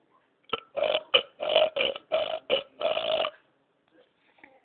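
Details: Baby and father exchanging a rapid run of about eight loud, throaty burps as a playful burping contest, then quiet; repeated belching.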